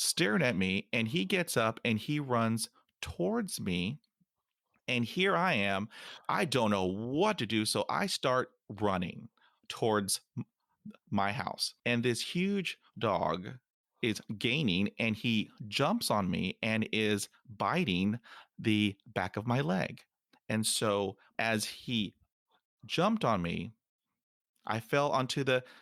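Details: Stuttering in an adult man of almost 50 who stutters, including when alone; stuttering.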